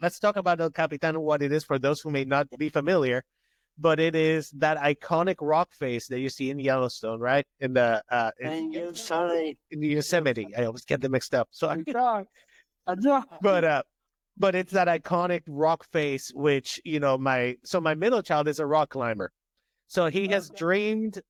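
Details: Adult male speaker; Normal conversational speech.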